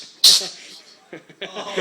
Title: Cat sneezes multiple times